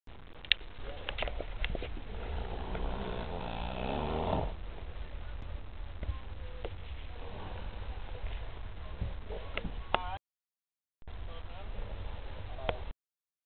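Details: Tired person asleep in a vehicle on the journey home from NorJam 2010: a rough fluttering snore on one breath in, then quiet breathing with clicks and rustles over loud vehicle rumble; snoring.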